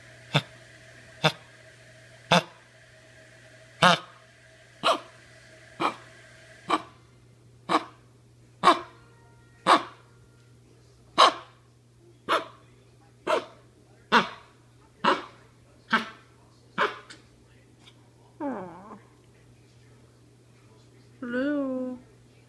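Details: A dog with kennel cough gives a run of about eighteen sharp, harsh honking coughs, then two whines.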